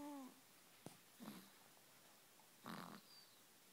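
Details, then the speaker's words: Sleeping female dog: short, rough, noisy snoring breaths, two clear snores in a few seconds, said to sound like her owner; snoring. "Child, it's like listening to your father sleep."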